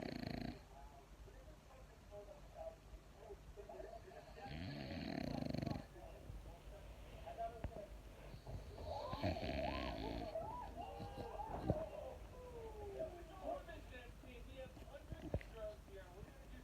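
Rough snoring on the in-breaths, two louder bursts over about 17 seconds, against steady room noise.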